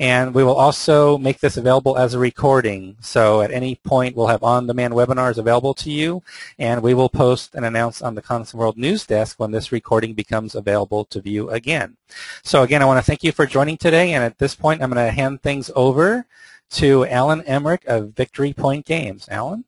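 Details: Adult male speaker; Typical speech.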